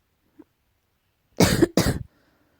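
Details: Two harsh, forceful cough bursts in close succession from a cat in a quiet room; allergy suspected.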